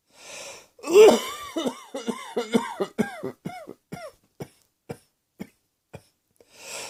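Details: Acted coughing fit: a strong cough followed by a run of about a dozen quick, fading cough bursts, then an inhaled breath.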